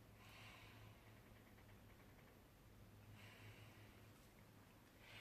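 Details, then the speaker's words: Normal breathing in an adult female in a simulated OSCE exam: soft, even breaths heard with the stethoscope bell at the upper chest through clothing on breaths in, with no crackles or wheeze. "it's important to note that we're listening for those unusual sounds quiet is okay and absence of sound is not"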